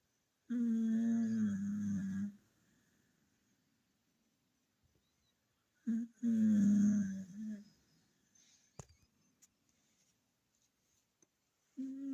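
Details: A dog snoring super loud while asleep: loud, rumbling, tonal snores, two long snores separated by quiet pauses in a small room; snoring.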